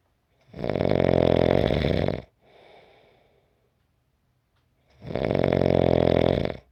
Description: 5-minute clip of snoring.